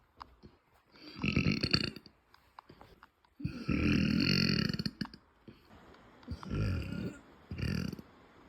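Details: Several low, rumbling, sometimes drawn-out closed-mouth burps from a woman in a quiet small room: burping.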